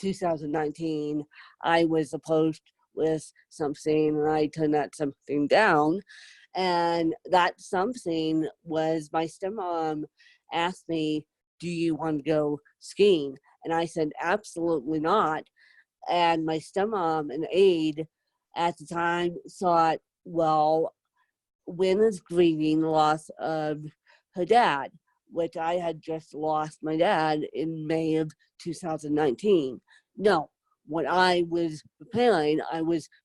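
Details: Adult woman with self-described moderate to severe cerebral palsy who needs help 24/7; her own speech impairment is not stated; dysarthric speech in cerebral palsy.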